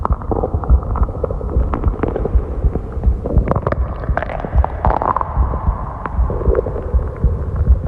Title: (REUPLOAD) stomach growl